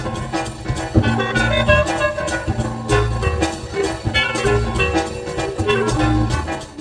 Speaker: Moving to uh well longer array. So switching all those four electros and also having the fine structure um it does improve drastically the sound quality